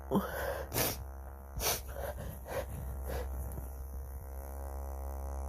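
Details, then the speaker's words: Deliberately induced sneezes, using a vibrator outside the nose and a feather inside, plus allergies: a sharp inward gasp followed by several short, explosive sneezing bursts over a steady low hum; stuck sneezes left the person breathless. "Gotta sneeze. Gotta sneeze. Gotta."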